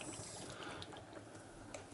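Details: Steady bubbling and gurgling of air through water from the water-column PEEP valve of an open-source prototype ventilator, not for clinical use, set to about 3 cm of PEEP and tested on a glove that deflates on exhale.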